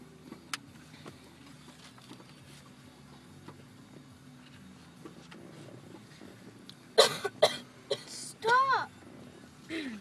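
A child gives three sharp, harsh coughs in quick succession over steady car engine hum, then a brief voiced cry.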